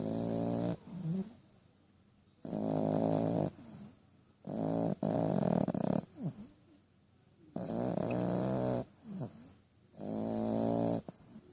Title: French Bulldog Puppy Snoring